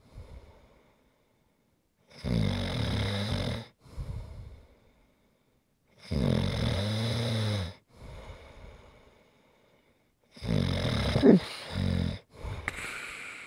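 Loud, rattling snores on each breath in, with quieter breaths out and pauses between, about four breaths a minute in this stretch: snoring.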